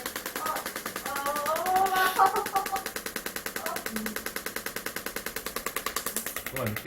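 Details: Rapid, steady clicking pulses, about three a second, with brief voices: an extracorporeal shockwave device firing during heel pain and Achilles tendinitis treatment of a female patient who had 20 prior unsuccessful sessions, now treated along the muscle chain.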